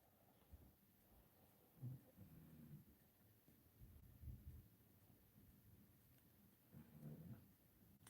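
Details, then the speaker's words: A sleeping dog snoring with soft, low rumbling snores, about three breaths in eight seconds, in a quiet room. "hear that snoring? That's Big Dog."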